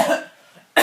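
A single acted cough burst fading out, then the sharp start of a second cough.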